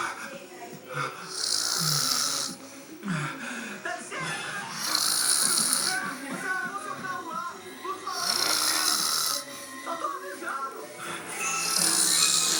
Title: Meu papai roncando kkkkkk